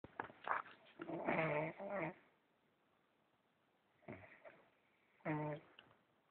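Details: Snoring recorded on a phone: two loud, buzzing, voiced snores on in-breaths about four seconds apart, with quiet breathing between, in a small room.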